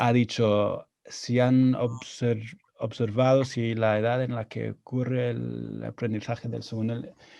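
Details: Adult man who stutters, speaking Spanish learned after moving to Spain at 22; he says his stuttering was more severe in Spanish; stuttering.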